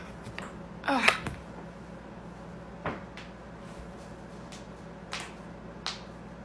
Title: joint cracking compilation